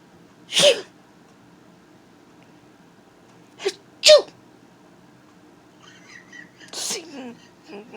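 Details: A man gives three sharp, explosive sneezes, two in quick succession, then brief soft voices in a quiet room; a pet cat is known to meow at his sneezes: sneezing.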